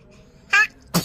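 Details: 2-month-old infant's single sneeze: a short high-pitched voiced lead-in followed by a sharp, hissy burst.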